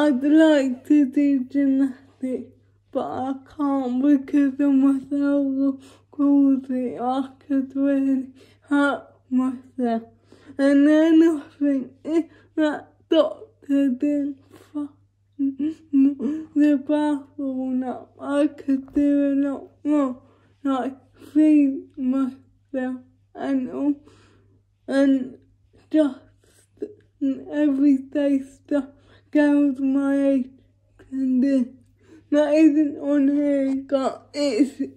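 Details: Female vlogger with cerebral palsy speaking in her daily-life vlog, with speech hard to follow; dysarthria due to cerebral palsy.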